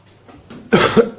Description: coughing for over a minute